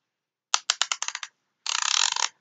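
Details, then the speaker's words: Expired insulin pen kept for demonstration, dialled toward 65 units as part of a pump-failure backup plan (injection into the stomach): a few separate sharp plastic clicks, then a fast ratcheting run; insulin pen dose dial clicking. "so you would crank it so I would crank it to 65 put the needle head on there and stick it in my stomach and push the button or injection"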